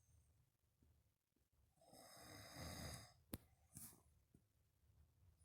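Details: Snoring: a single rough, rattling snore on a breath, followed by a short snort, in a quiet room.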